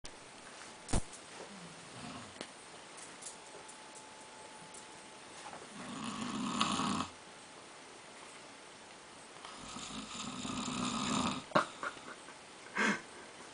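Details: Sleeping person snoring loudly: two long, rough, buzzing snores about four seconds apart, with a few sharp clicks and knocks in the room; snoring.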